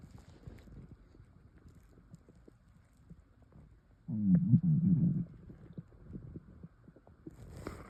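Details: Quiet gurgles and clicks, then a loud low rumbling gurgle for about a second as swallowed air moves through the gut; bowel sounds from air swallowing.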